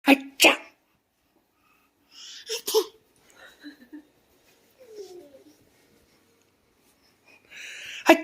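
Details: One-year-old boy at his first birthday doing playful fake sneezes: two quick sneeze-like bursts, then soft babbling and a final burst; imitation sneezing.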